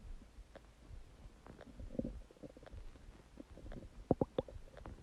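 Low gurgling and bubbling abdominal noises with a burst of louder gurgles near the end; ordinary stomach rumbling.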